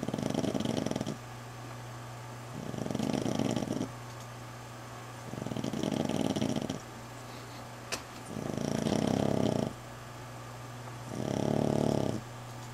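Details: Dog recovering from fight wounds with drains in her arm, sleeping in the owner's room: loud, regular rattling snores, about five in twelve seconds with quiet gaps between; ordinary snoring, owner says she has snored worse.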